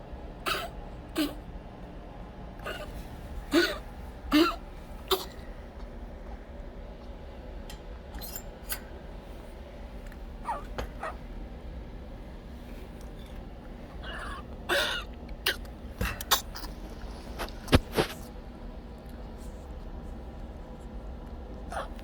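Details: Pet named Affliction with repeated short, dry hacking coughs and throat-clearing sounds in a quiet room; x-rays the same day diagnosed congestive heart failure with fluid buildup around the lungs causing the cough.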